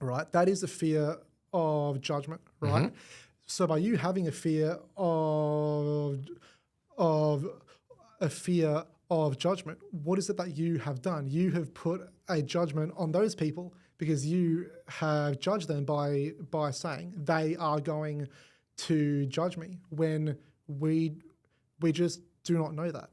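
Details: Adult man with cerebral palsy whose condition shows as a speech impediment (stutter); credits the McGuire Programme: stuttering.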